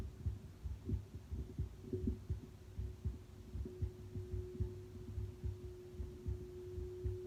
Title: Heartbeat auscultation stethoscope heart sounds at rest: pulmonic-aortic-Erb’s-tricuspid-mitral